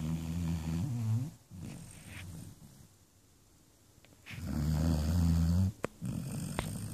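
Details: Sleeping Labrador puppy snoring loudly; snoring.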